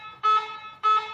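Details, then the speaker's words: Two short, steady electronic tones repeating about every 0.6 seconds from a Hawk-S1 syringe pump alarming while setting mode is active with the keypad locked, unlocked by pressing OK and Clear together. "Jakarta pun alarmnya akan tetep bunyi dia ngasih tahu kalau sedikit dalam keadaan mode setting kau aktif"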